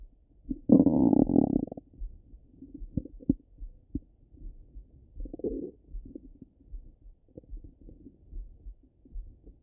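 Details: Half-hour recording of a person's stomach rumbling: a loud gurgling rumble, then scattered softer bubbling and clicking gurgles; ordinary bowel sounds.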